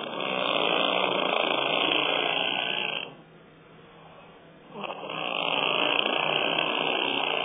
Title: Snoring sounds like a wet fart